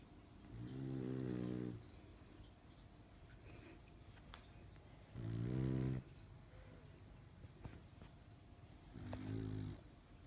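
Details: Pug snoring during sleep: three slow, deep, rattling snores, each about a second long, from a sleeping flat-faced dog.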